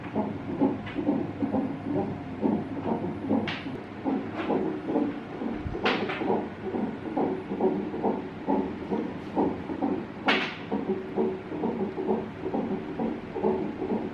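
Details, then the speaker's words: Fetal heartbeat of a baby girl on a monitor during monitoring; the baby is moving and kicking. Rapid whooshing pulse, about 130-140 per minute, with occasional louder thumps from movement. "And this girl just jumping while Tyler is enjoying listening to her. They're listening to baby sister heartbeat."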